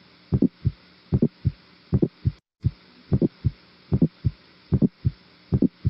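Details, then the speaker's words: Regular heartbeat about 75 a minute with a loud, snapping second heart sound over the pulmonary area. Loud P2 of pulmonary hypertension. "اعتقد مفيش اوضح من سكند هارت ساوند عالي زي ده، ودي حاله تانية واضح فيها الميرمر مع السكند هارت ساوند."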